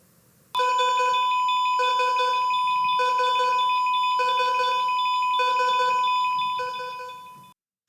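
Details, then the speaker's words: Patient monitor critical alarm: steady high tone with urgent pulsed chimes, the sound heard right before a patient flatlines, in an ER. "So that's the sound you hear right before someone flatlines. That means, Doc, let's go, let's hurry up, let's save their life."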